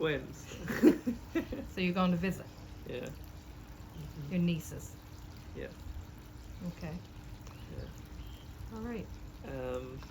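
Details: Two adults in conversation; speech.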